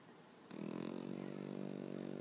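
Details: Pet Pekingese dog sleeping on owner in the morning: a low, rumbling, fluttering snore starting abruptly and staying steady; peaceful snoring.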